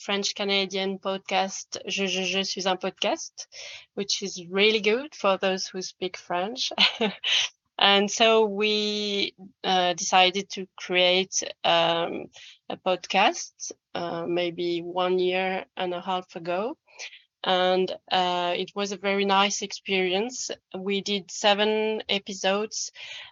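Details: Adult woman speaking; typical speech.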